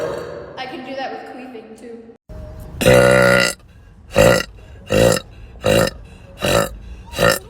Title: tiktok burp compilation